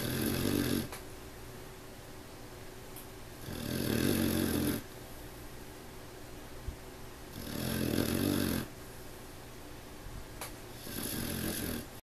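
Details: A sleeping puppy snoring: steady, rattling snores about every four seconds, roughly 15 breaths a minute, with a quieter breath between snores, in a small room.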